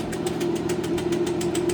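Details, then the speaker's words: Rapid, regular clicking pulses over a steady hum from a shockwave therapy device treating a horse. "we're going to do some Shock Wave on him mostly focusing on his spine"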